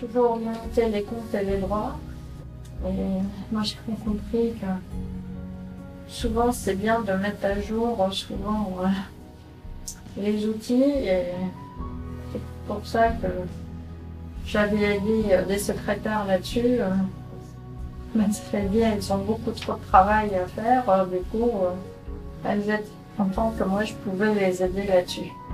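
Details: Semantic variant primary progressive aphasia, a rare disease related to Alzheimer's, in a 48-year-old woman seen for her annual follow-up consultation; she is a former IT security engineer who could no longer fulfil the expected communication role at work.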